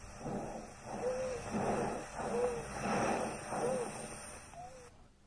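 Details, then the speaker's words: Stethoscope auscultation during a respiratory examination: breath sounds with a short musical whistle on each breath out, an expiratory wheeze (described as monophonic or polyphonic). "the doctor is listening for the intensity and quality of an expiratory weasel this is either monophonic"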